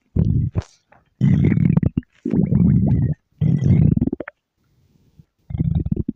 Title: stomach growl